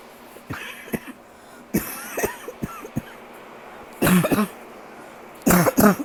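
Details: Persistent night-time cough lasting days, disrupting sleep: repeated short coughs and throat clearing, then two louder clusters of harsh coughing.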